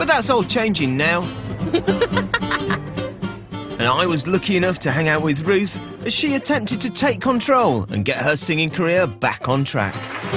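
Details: Adult male narrator; normal narration.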